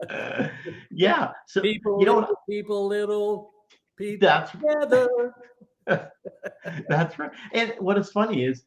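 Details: Adult stroke survivor about 9.5 years after stroke, living with post-stroke aphasia; aphasia.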